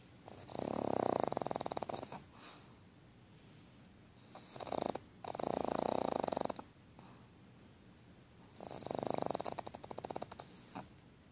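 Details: Pug, a flat-faced dog, snoring while asleep; three long, rattling, buzzy fluttering snore cycles about every four seconds; snoring.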